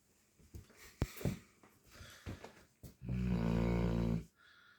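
A few short snorts and sniffs, then one long, loud, rumbling snore on a breath, typical of a sleeping dog snoring.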